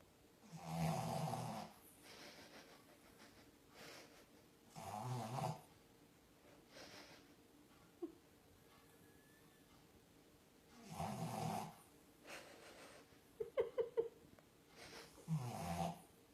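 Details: Sleeping French bulldog: soft, low rattling snores recurring every few seconds, with faint room noise; snoring.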